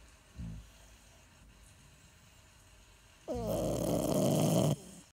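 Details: A sleeper in a snore battle between two sleepers: a short soft snort, then one long, loud, rough snore on a breath in lasting about 1.5 seconds. Snoring.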